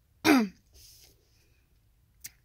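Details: A person with Tourette syndrome, during a night-time episode of bad tics, makes a sudden, loud throat-clearing grunt with a falling pitch, a simple vocal tic.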